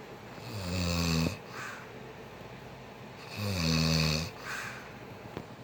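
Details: A man snoring while asleep: two loud, rattling inspiratory snores about three seconds apart, each followed by a softer breathy exhale. Ordinary snoring.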